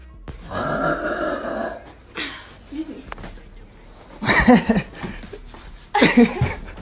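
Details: Female voluntary burping: several drawn-out, voiced belches, some long and some shorter, with faint background music.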